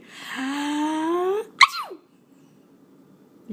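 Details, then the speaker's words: Allergy sneezing during a playful family sneeze imitation: a long rising voiced build-up, then one sharp explosive sneeze that drops off quickly. "who knew that allergies would make you laugh"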